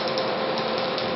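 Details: Laser removal of a blue and black ink shark tattoo: rapid, steady mechanical crackling and snapping of laser pulses firing continuously.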